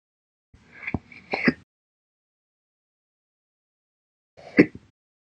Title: 12/15/21, Slow Hiccups after Breakfast (Recording from today)